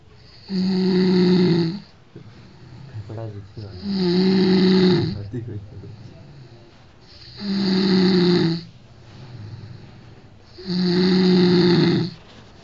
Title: Incredible snoring ----MY Friends